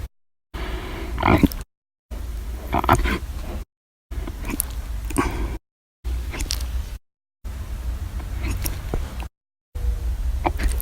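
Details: Person's own recorded hiccups, described as violent, a little audible, silent and minute, occurring daily, one episode lasting 8 hours 51 minutes; July 11–13, 2019, audio only.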